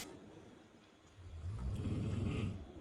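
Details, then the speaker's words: A single low, rumbling snore rising out of quiet room noise from a sleeping adult man at night, around midnight: snoring. "এজন্য নাক ডাকছে তোমাদের একটু শোনাই"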